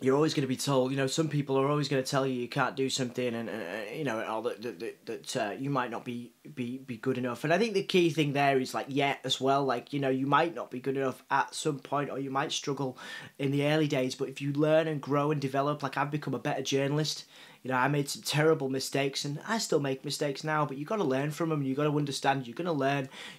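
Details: Adult man, a journalist, who reports having a stutter and cerebral palsy; university lecturers told him his speech was not clear enough for radio; stuttering with cerebral palsy speech.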